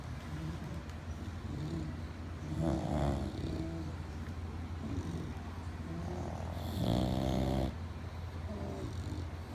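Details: Three bulldogs sleeping together snoring: deep, rumbling snores on each breath, some rattling and louder than others, against steady room hum.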